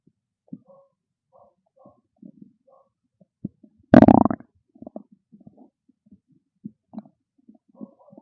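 Scattered soft gurgles with one loud, drawn-out rumble midway; ordinary bowel sounds of an empty stomach.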